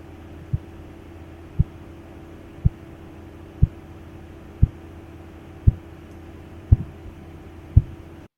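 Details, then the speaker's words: Manual sphygmomanometer, cuff deflating, stethoscope over the brachial artery: sharp, regular tapping of increasing volume at about 57 per minute over a steady low hum: phase I Korotkoff sounds. "there are five different phases phase one is a tapping sound of increasing volume which you can hear now"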